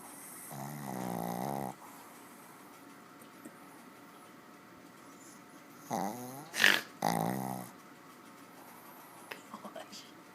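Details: Deeply sleeping dog that does not wake despite repeated attempts: loud, rattling snores one after another in a quiet room; heavy snoring.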